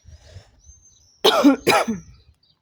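Two harsh, loose cough bursts after a quiet pause, with faint background noise; a smoker's cough.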